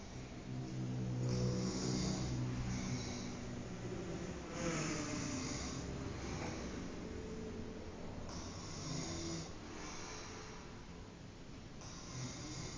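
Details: Low rumbling snores rising and falling with each breath, about five cycles in thirteen seconds, over steady room noise; snoring during sleep.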